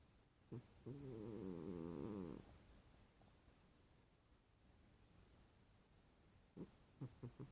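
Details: A cat napping on its owner after running in from the rain gives short snorts and one long, loud, fluttering snore, then a quiet pause before more brief snorts: snoring.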